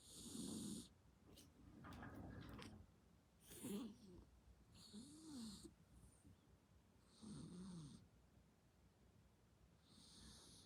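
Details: Sleeping elderly pet cat snoring: soft, rattling, whistly snores, about 36 breaths a minute, in a quiet room; ordinary cat snoring.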